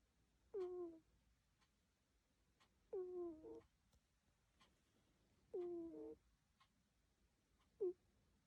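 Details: Sleeping cat gives high, squeaky, whistling snores about every two and a half seconds, roughly 23 a minute, in a quiet room; snoring.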